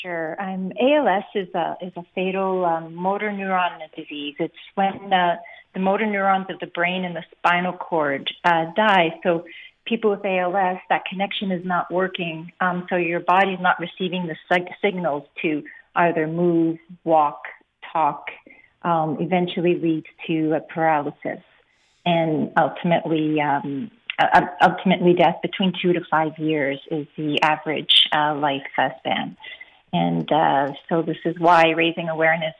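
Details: Adult woman speaking; typical speech.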